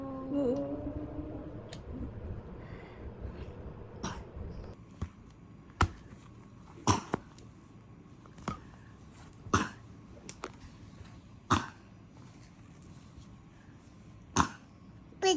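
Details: Toddler, sick, tagged cough and cold and pneumonia, gives short single rhythmic coughs at a steady pace, about eight over ten seconds; repetitive cough.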